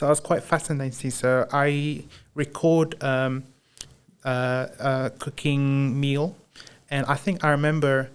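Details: Man with Broca's aphasia since a 2010 haemorrhagic stroke while playing high school rugby, about 15 years on; initially only yes/no/maybe with slurred speech; knows what to say but struggles to produce it; Broca's (non-fluent) aphasia.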